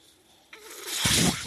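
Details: Quiet pause, then a rising rush of airy hiss that swells and eases slightly as a podcast speaker's own mechanical ventilator delivers a breath while he talks: mechanical ventilator breath cycle.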